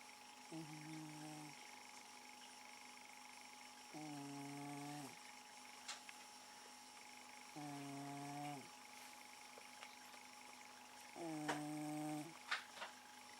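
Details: A pet cat snoring while asleep in the living room, a habit that can last all night: four rhythmic, buzzing, tonal snores about every 3.5 seconds, roughly 17 a minute, over a steady background hum.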